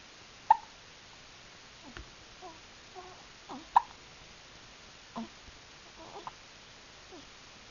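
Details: Faint, brief hic-like catches at uneven intervals, about a dozen in eight seconds: hiccups.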